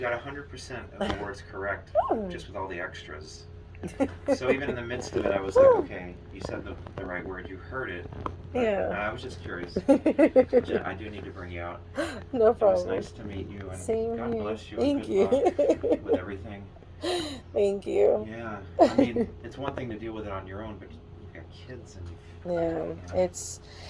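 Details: Adults talking in a small room; conversational speech.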